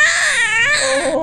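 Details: Strong, loud, high-pitched newborn cry with wavering pitch from a baby girl just after hospital birth; a vigorous normal cry.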